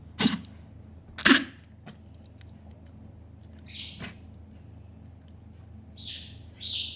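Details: Two sharp, harsh coughs from an animal, then quieter throaty sounds, with high chirping noises in the background.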